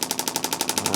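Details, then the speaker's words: Radial shockwave therapy on a male chiropractor's lateral leg, where a twitch response appears in his toes; pressure is turned up to about 4-5 out of 10 discomfort; rapid, regular, sharp tapping pulses about 11 per second. "So, I can tell this is a nice spot to go ahead and turn the pressure up on."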